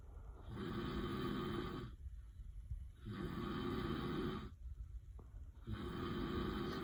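Loud, rough snoring on each breath, about one breath every two and a half seconds, with steady room hum in the background.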